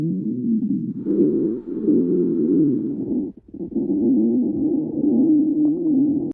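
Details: Ordinary stomach growling (borborygmi): a long, wavering, low gurgling growl with one brief pause.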